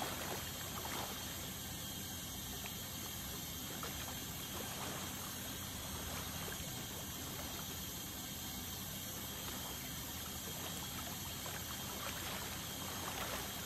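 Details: Ultrasonic scaling to remove tartar during a dental cleaning: a continuous hiss and gurgle of water spray and suction with a faint high buzz.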